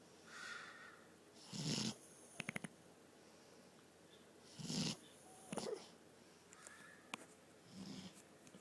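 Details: A sleeping dog snoring rhythmically and roughly at about 20 breaths a minute, with faint whistling and clicks between breaths.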